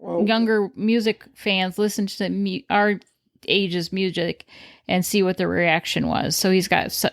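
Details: Adult woman speaking; typical speech.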